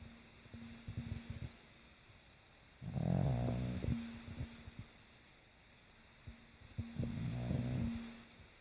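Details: Tank, a dog, snoring while asleep: soft, fluttering snorts in breathing cycles over steady room hum with faint background music.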